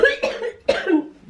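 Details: Adult woman with cystic fibrosis, coughing up mouthfuls of pure blood since the night before: two harsh, wet cough bursts in quick succession, bleeding that later slowed.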